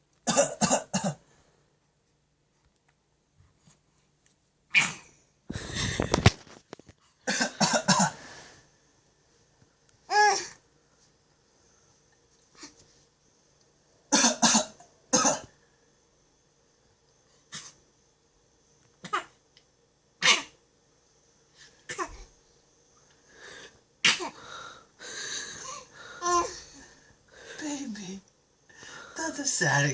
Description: My 4 1/2 month old likes to fake cough just like daddy